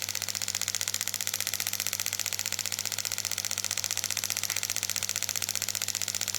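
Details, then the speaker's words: Shockwave therapy device in operation: rapid, very regular hissy clicking at about 180 pulses a minute over a low hum, treating a patient's front of shoulder for bicipital tendinitis, starting at low intensity and turned up. "is treatment started we're going to start off with a lower intensity and we're going to work our way up if it feels a little uncomfortable that's fine if it gets a little painful let me know and we'll tone it down"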